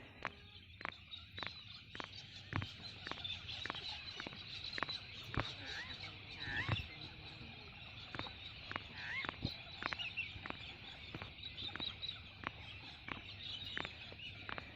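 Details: Repeated knuckle cracking, attempted 100+ times while sitting on a trampoline outdoors: rapid, sharp, dry pops about every half second, with chickens clucking in the background.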